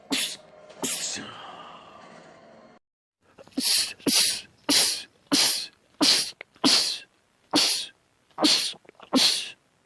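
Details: Sneezing fit from a compilation of men's rapid sneezing attacks: two sneezes, a pause, then a rapid run of about eight sharp sneezes in close succession.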